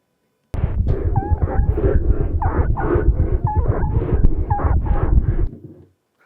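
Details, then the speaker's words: Wheezes, whistles heard particularly in the periphery of the lung fields: short musical whistles over heavy rumbling chest noise, typically from airway narrowing such as bronchospasm, e.g. a cat with asthma. "Wheezes are whistles that are heard particularly in the periphery of the lung fields"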